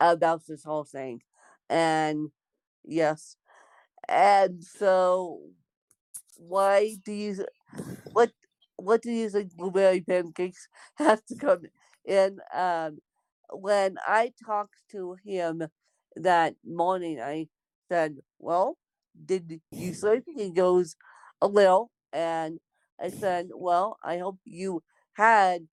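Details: Speech of an adult woman born with cerebral palsy (lifelong, congenital), possibly with mild dysarthria; no specific speech disorder is named.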